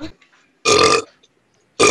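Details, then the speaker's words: Two loud, rough, voiced belches separated by silence from gamers in a burp compilation; burping. "You guys burp like that. I don't get how he burps like that. It's an instinct. What did you drink, a cow?"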